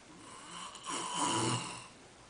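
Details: A single low, rattling snore on an in-breath from an unidentified sleeper, rising from quiet breathing and fading against faint room noise; ordinary snoring.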